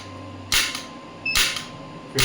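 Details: Electromagnetic shockwave (ESWT) therapy applicator firing on the elbow joint at 1 Hz, energy raised stepwise from 5 to 65 mJ: sharp, loud snapping pulses about once a second over quiet room hum.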